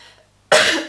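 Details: Adult woman coughing during a spoken knitting podcast: a single abrupt cough after a brief quiet pause.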